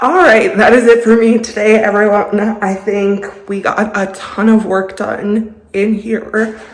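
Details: Vocal tremor in a woman with a lifelong vocal disorder she describes as a medical condition.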